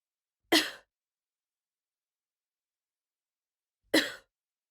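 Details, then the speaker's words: Deliberate coughs in a pelvic floor exercise, head turned to the side, hands on pubic bone and tailbone, pelvic floor tensed: two short, sharp coughs about three seconds apart; voluntary cough. "tense your pelvic floor and cough over your shoulder again cough a few times and notice any changes in the stomach and pelvic floor areas"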